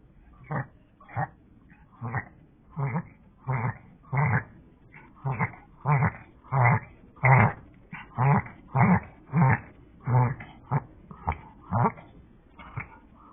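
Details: A small dog makes a rapid run of loud, rasping snorts, about 94 a minute. The owner is unsure whether it is reverse sneezing or hyperpnea.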